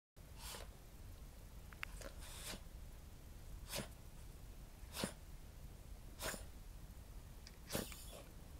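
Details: Choking-like cough on waking in a Cavalier King Charles Spaniel born June 2010, with Chiari-like malformation, hydrocephalus, syringomyelia, partial chordae tendineae rupture with regurgitation, pseudobulbar-palsy-like choking when drinking, and non-cardiogenic interstitial pulmonary edema; cough since summer 2016.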